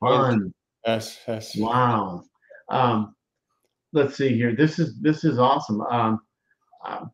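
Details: Aphasia in a male speaker.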